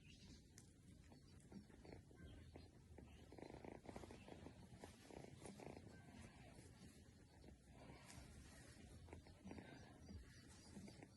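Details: Kitten snoring.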